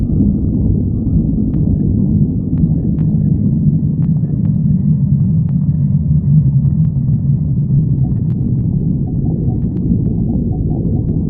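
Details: Stomach growling (borborygmi).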